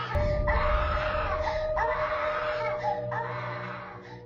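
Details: Child at night: repeated wailing cry bursts over a steady background tone and room noise; crying.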